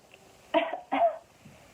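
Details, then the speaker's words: A teacher gives two short, harsh, deliberate demonstration coughs in a quiet room during a lesson on how coughs and sneezes spread germs; simulated cough. "today's lesson is about coughing and sneezing all people cough and sneeze popping or sneezing have droplets up too that can spread germs"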